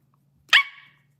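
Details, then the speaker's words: Young woman with Tourette syndrome on a livestream: a single sudden, high-pitched bark-like yelp breaks into quiet speech; she says her barks are always high-pitched, never deep. Barking vocal tic. "got Do you ever bark deep? No, it's always high pitched."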